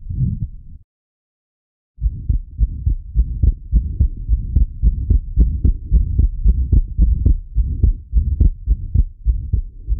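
Rapid, fairly regular child heartbeat with a low rumbling between beats, consistent with an atrial septal defect.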